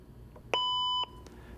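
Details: LIFEPAK 15 monitor-defibrillator powered up with two batteries installed: a single steady electronic tone about half a second long, followed by soft clicks, the normal power-up beep.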